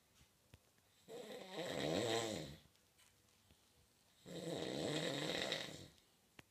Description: My housemate snores like an elderly camel.